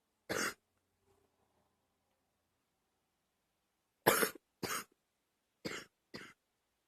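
One cough, a pause, then four more short coughs in quick succession; five dry-sounding coughs in all.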